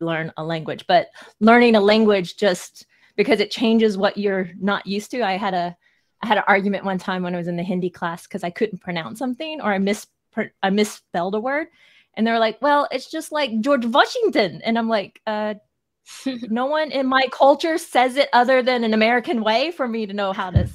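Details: Adult speaker; ordinary speech.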